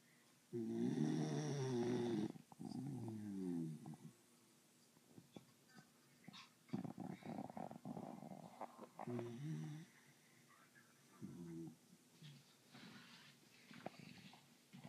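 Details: Fell asleep right away while held like a baby, then snored loudly: loud, rattling snores and snorts in irregular bursts with quiet pauses between.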